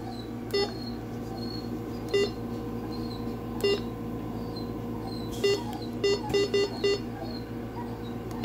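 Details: Short electronic beeps, some single and some in quick runs, over steady room hum: an infusion pump beeping while being set up for fluids during a clinical skills exercise.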